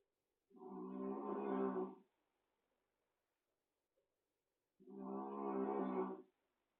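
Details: Small cat snoring in sleep: two drawn-out, humming, buzzy tonal snores about four seconds apart in a quiet room.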